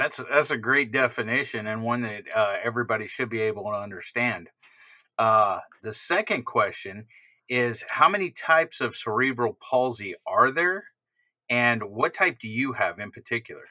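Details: Adult man speaking; typical speech.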